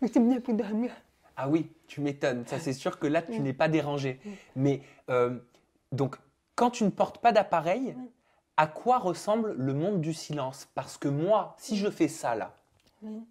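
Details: Adult male interviewer speaking French; Typical speech.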